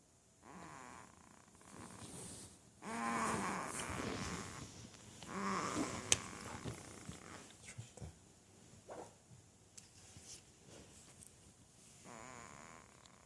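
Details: Zayden snoring: irregular snoring and snorting breaths with fluttering sounds over quiet room noise.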